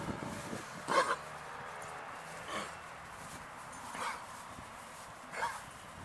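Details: Dog coughing, recorded on a Flip Video camera: four short, separate, harsh bursts of air over about six seconds.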